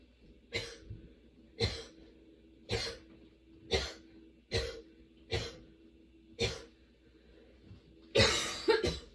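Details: Sudden-onset, nonstop coughing fit that kept worsening, bringing tears and frequent position changes: about nine harsh coughs at roughly one per second, ending in a louder burst.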